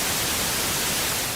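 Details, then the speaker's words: Simulated tinnitus: a steady hissing, rushing, waterfall-like noise heard inside the ear, presented as a symptom rather than a disease. "zumbido ou barulho de Cachoeira no ouvido é um problema que atinge mais de 30 milhões de brasileiros e é mais comum do que se possa imaginar"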